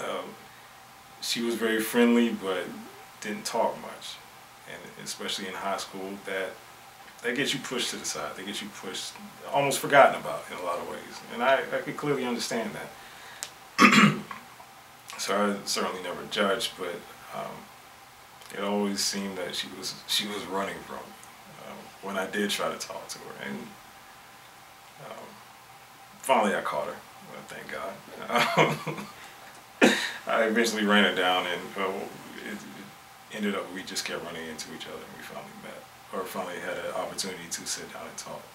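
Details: Stuttering in a man from a stuttering support group chapter who openly advertises his stuttering; stuttering.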